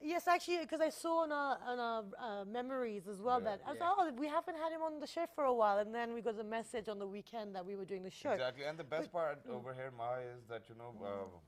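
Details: Adult woman speaking; typical speech.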